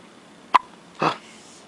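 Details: Hiccups: a single sharp, click-like hiccup followed by a brief breathy puff.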